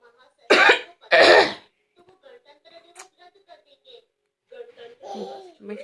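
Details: Adult mother's voluntary false cough, two loud forced bursts, followed by a young girl's soft laughing and playful attempts to mimic it.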